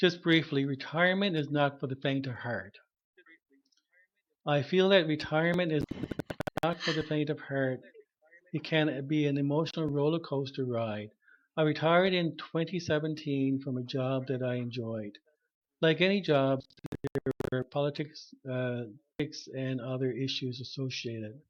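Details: Stuttering in an adult man who had severe stuttering; he has not used his speech targets since retiring. Conversational speech.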